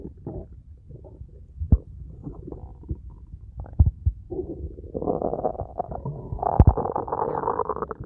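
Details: Abdominal auscultation in suspected ileus with distension: loud, frequent gurgles and prolonged rumbling "struggle" sounds, intense and prolonged, which with pain support mechanical ileus; hyperactive bowel sounds of mechanical bowel obstruction.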